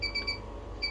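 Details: Pneumatic tourniquet unit (Accurate Medical Systems A01) alarm: brief high-pitched electronic beeping over a low machine hum, heard during a demo of setting pressure and timer.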